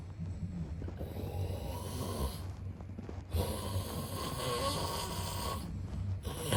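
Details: Snoring sound-effect recording of a sleeping man: loud, rough, continuous snoring with a brief quieter pause between snores.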